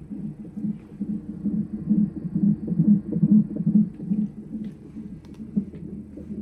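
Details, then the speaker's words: Fetal heartbeat on a labour monitor, mother three days past her due date, 3 cm dilated, with contractions monitored; rapid, regular whooshing pulses at about 136 per minute, a normal rate. "ఇక్కడ వినండి మా baby heart beat so నేను pregnancy మొత్తం వినిపియలేదు ఇప్పుడు వినిపిస్తున్నా"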